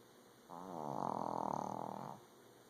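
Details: A single loud, fluttering, rattling snore on an in-breath, about a second and a half long, from a sleeping dog in a quiet room.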